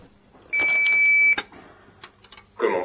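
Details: A single sustained high beep of under a second as a Philips HeartStart HS1 defibrillator switches on when its cover is pulled, followed by clicks and handling noise.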